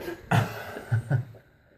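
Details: Hiccups in a man being treated with an inversion table and a spoonful of peanut butter: three abrupt, low, throaty bursts within about a second in a quiet room.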